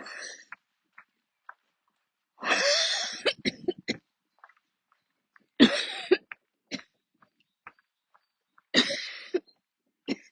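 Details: Coughing attack near the end of a walk: three long harsh coughing bouts, each followed by short cough bursts and throat clearing, in quiet outdoor surroundings; attacks usually force stopping to sit or kneel.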